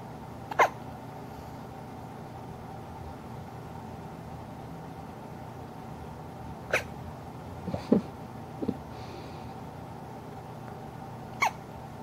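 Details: 3-day-old newborn girl with hiccups, recorded in hospital: five short, sharp hiccup sounds at irregular intervals over quiet room noise.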